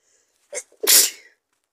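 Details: A single sharp sneeze, a brief in-breath then an explosive hissing burst, from a series of four sneezes with a little spray; sneezing.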